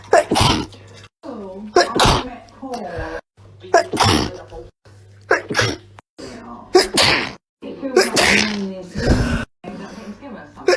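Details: Compilation of loud, forceful sneezes from different people, cut together with brief gaps and a low hum, in clips about hay fever; sneezing.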